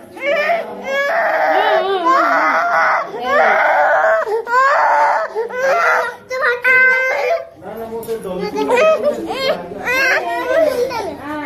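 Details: An infant's pain cry after an injection: repeated loud, strained bursts with brief catching breaths between them, in a small room with some adult talk.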